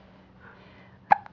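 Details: Baby boy with frequent hiccups that don't seem to bother him, smiling: a single short, sharp hiccup after quiet room noise.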